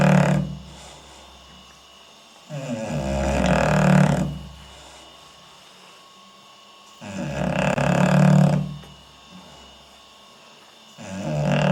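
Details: English bulldog sleeping, filmed with night vision: loud, low rumbling snores on each breath, about three long cycles in twelve seconds, roughly fifteen breaths a minute, quiet pauses between; snoring.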